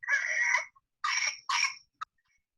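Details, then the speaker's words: A 21-month-old toddler with whooping cough (pertussis) gives three harsh, noisy coughing bursts with strained breaths between. The cold-like illness worsened over 4–5 days, with whooping, vomiting and trouble catching his breath. "was coughing and doing the whoop vomit and he couldn't catch his breath"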